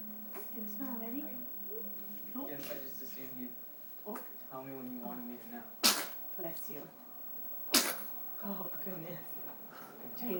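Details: Infant sneezing: two sharp, brief sneezes with soft baby vocal sounds and an adult voice in between.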